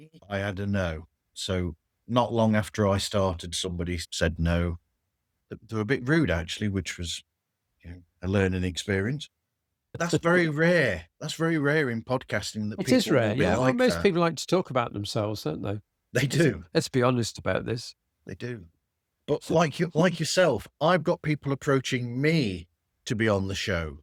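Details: Two adults in conversation; normal conversational speech.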